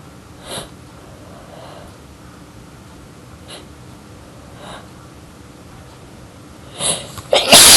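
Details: Sneezing fit with small buildups: a run of about five sneezes, soft at first, ending in a loud, forceful burst.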